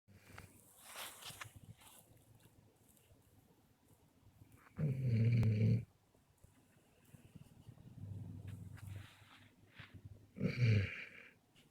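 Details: Dog Bozon snoring during a camping trip: low, rumbling snores every few seconds, one louder and rougher than the rest, over quiet room noise.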